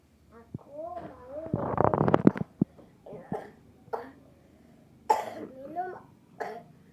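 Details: Productive cough in a child during cough season: a child's voice with several short, loose, wet, phlegmy coughs mixed in.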